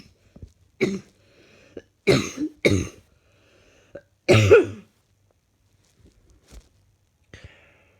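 Four or five loud, harsh cough bursts, a few separated by quiet gaps, then a softer final one in a quiet room; an ongoing cough.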